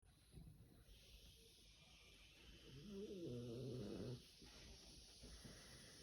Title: French Bulldog snoring